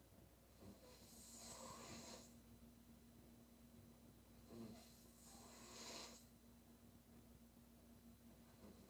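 Two long rattling snores about four seconds apart, roughly 15 breaths a minute, over a faint steady hum.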